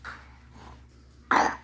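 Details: Severe cough in an 11-month-old (350-day-old) baby at the hospital, where nebulizer treatment is being given.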